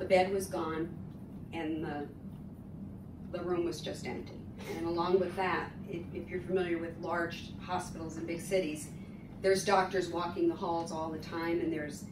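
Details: Adult woman; typical speech.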